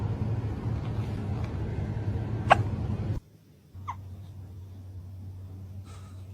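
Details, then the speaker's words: Cat with hiccups: a few brief, sharp, irregularly spaced hiccup-like jerks over low room hum. "at me. You have the hiccups?"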